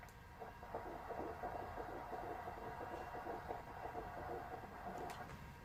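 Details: Pregnant woman, Doppler probe being repositioned to find the heartbeat: fast, regular whooshing pulses at roughly 150 to 170 per minute over Doppler hiss; a fetal heartbeat, normal for pregnancy.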